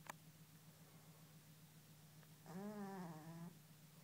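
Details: Single tonal buzzing snore lasting about a second from a fat orange cat sleeping, over steady low room hum and a brief click; snoring.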